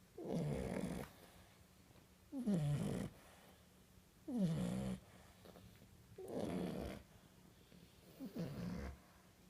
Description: Snoring baby French bulldogs! Snoring in unison.